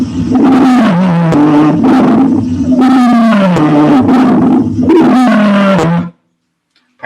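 Loud, continuous musical whistling tones at several pitches run through repeated breaths, then stop: widespread wheezes heard over the lungs.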